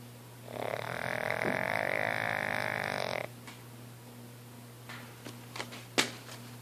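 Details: Snoring hard while napping: one long, buzzing, nasal snore lasting about three seconds, then quiet breathing with a few small clicks and snuffles; snoring.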